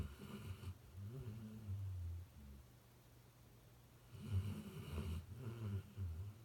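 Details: Low, rattling snores on breaths in, separated by a few quiet seconds, from Luce, an animal napping outside a home office door.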